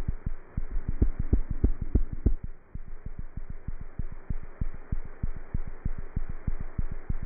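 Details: Cat's heart heard through a stethoscope: rapid, regular heartbeat at about 190 beats a minute, within the usual fast range for a cat; cat heart sounds.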